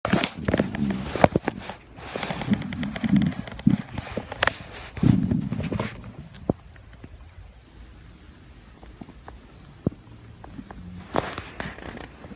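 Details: Stomach growling (borborygmi): low gurgling and rumbling in bursts, then quieter with scattered clicks.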